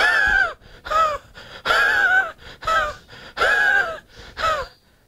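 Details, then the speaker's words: Imitated dry, harsh, rasping cough in rhythmic strokes, likened to a saw driven through a pine board; dry sawing cough. "I shared with you the dry cough of spongia it's like a saw being driven through a pine board"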